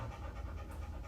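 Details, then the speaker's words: A vet imitates the harsh, low roaring breath of laryngeal paralysis (inspiratory stridor) while discussing a coughing dog with neck swelling. The dog's heart is normal, with upper-airway swishing that may be laryngitis or possible laryngeal paralysis. "it's called lenial paralysis and when it happens the dog starts to Roar and that is like"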